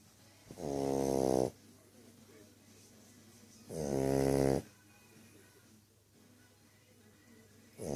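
Loud, buzzing, fluttery snores on each breath, about one every three seconds, with quiet exhalations between; typical snoring of a flat-faced dog.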